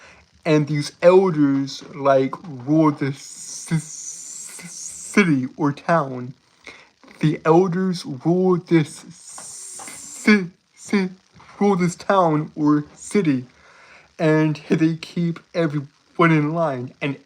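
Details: Adult male streamer with a self-reported speech impediment that makes him stutter and trip over his words; audible repetitions; stuttering.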